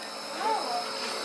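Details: Steady mechanical hiss and hum of a nebulizer during a baby girl's first nebulizer treatment, given for congestion.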